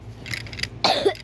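A single short, harsh cough follows a soft throat noise; one ordinary cough.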